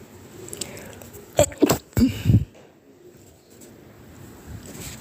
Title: pinched nose sneezes